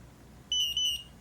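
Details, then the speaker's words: Omnipod insulin pump PDM: a sustained high electronic tone with a brief dip, signalling the pod is deactivated before removal of a pod worn for 72 hours. "it now says pod deactivated remove and discard the Pod and then press next"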